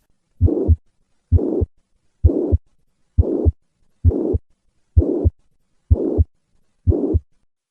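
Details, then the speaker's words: Mitral regurgitation with handgrip maneuver: steady heartbeat near 65 a minute with a blowing holosystolic murmur of constant intensity extending all the way to the second heart sound. "this murmur extends all the way to the second heart sound reflecting the significant gradient that exists between the left ventricle and the left atrium throughout systole"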